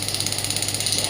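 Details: Pneumatic radial extracorporeal shockwave therapy device demonstrated on the operator's own hand at low intensity (about 4–6 bar, maximum 12 bar): steady rapid mechanical tapping over a continuous buzzing hum as it fires repeated pulses.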